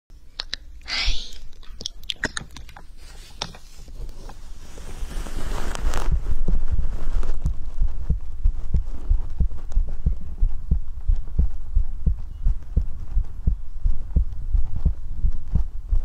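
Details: Heartbeat in an ASMR recording: rustling handling noise, then steady, low, muffled heart thumps with an ordinary lub-dub rhythm.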